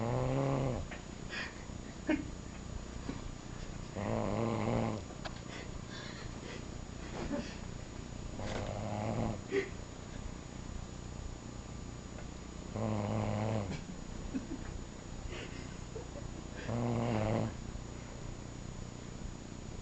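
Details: Regular rumbling snores during sleep, about every four seconds (roughly fifteen a minute), going on and on over low room noise.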